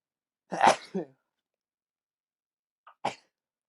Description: Here is some sneezing over the past few weeks